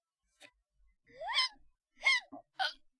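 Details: Four short, high-pitched hiccups with quick rising and falling pitch and sharp in-breath squeaks, from a streamer during a live stream while trying to stop a recurring hiccup bout; hiccups.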